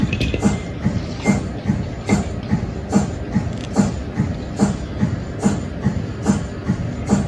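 Steady rhythmic chuffing pulses, about 72 a minute; the normal pumping of an MRI scanner's cold head keeping the magnet cooled.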